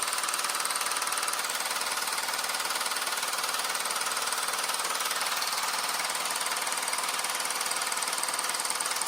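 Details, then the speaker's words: Rapid steady mechanical clacking, about four pulses a second, from a low-intensity shockwave therapy device used on the penis for erectile dysfunction; user reports no pain. "Yeah, it's so simple to use too. Nothing. No sweating, no pain, nothing."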